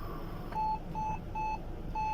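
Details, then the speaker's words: Four steady, evenly spaced high beeps over room hum: a portable ventilator in an ambulance alerting as CPR mode is activated for a patient not breathing with no pulse; ventilator CPR mode alert beep. "The patient is not breathing, no pulse. I realize, no, I check for pulse, no pulse. CPR mode activated."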